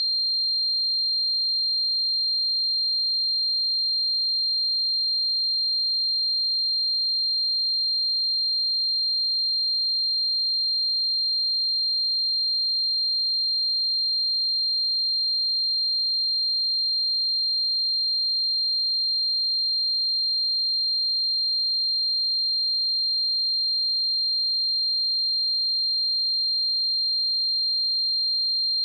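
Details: Tinnitus sound effect simulating what tinnitus is like: a steady, high-pitched pure tone ringing unchanged throughout, meant for headphones.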